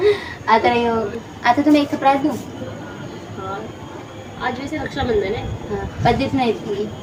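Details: Feigned lisp (imitated baby-talk speech) acted by a male host as a prank on a friend; not a real disorder.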